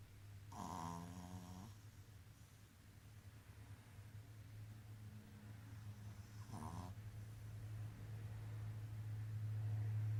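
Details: Two rough, fluttering snores about six seconds apart over a steady low hum; snoring.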